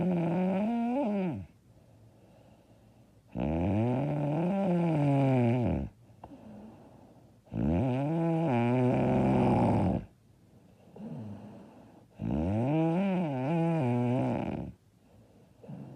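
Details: Loud, rough, rumbling snores on each in-breath, about 14 a minute, with quiet out-breaths between; self-described very loud, hard snoring.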